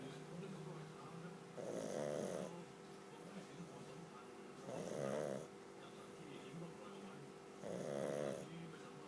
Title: pug snore